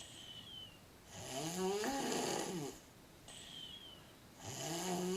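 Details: A girl sound asleep, snoring: two loud rattling snores on the in-breath with whistling tones on the out-breath, room noise behind.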